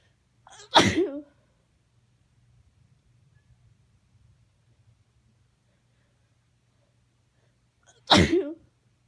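Two loud, sharp sneezes about seven seconds apart in a quiet room, each a sudden burst of air through the nose and mouth.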